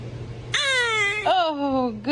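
Two short, high-pitched wailing cries from a baby, each falling in pitch; an ordinary infant cry.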